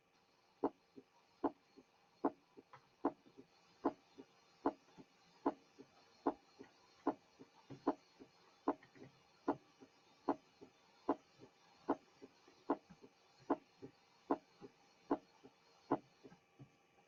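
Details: Loud first heart sound (accentuated S1).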